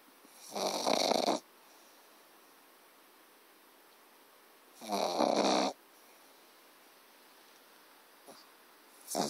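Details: Pug puppy snoring loudly: rough, rattling breath sounds about every four seconds, near 14 a minute, with quiet gaps between; ordinary snoring.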